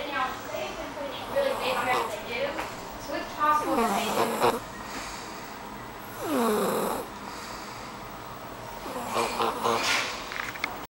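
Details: Someone held in a person's arms snores in rhythmic, buzzing snores with snorting bursts every few seconds over faint room noise.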